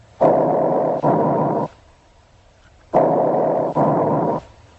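Loud, harsh, hollow breaths with a brief silent pause between breathing in and out: bronchial breath sounds.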